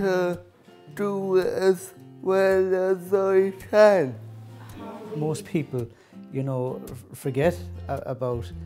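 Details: Adult male speaker; dysarthric speech.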